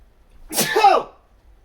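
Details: Single short, partly held-back sneeze with a brief voiced burst after sniffing chhinkni; stifled sneeze.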